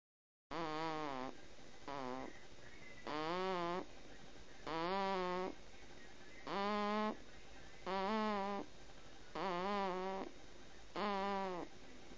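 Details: Snoring during sleep: repeated tonal, wavering snores, eight in about twelve seconds, over a steady background hiss.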